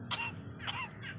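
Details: Coughing lory (parrot): two short, harsh, cough-like bursts with a squawky tonal edge over a steady low hum.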